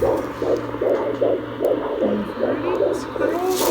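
Rapid, regular whooshing pulses at about 150 a minute over steady hum. A fetal heartbeat picked up by Doppler, in the normal fetal range.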